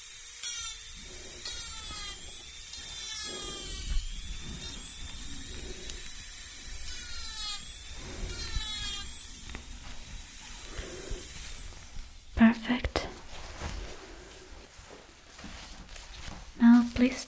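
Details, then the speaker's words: Soft high whirring and gliding whine with faint scraping and room hiss; imitation dental cleaning instrument on the front teeth in an ASMR dentist roleplay, simulated. "I'm going to remove all the dirt that are between your teeth. First here, the teeth on the front."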